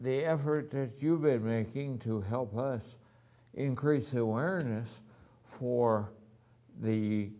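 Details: Adult man with ataxia, voice somewhat affected since the previous year, has had voice therapy, now wheelchair-bound with neuropathy in his hands; ataxic dysarthria.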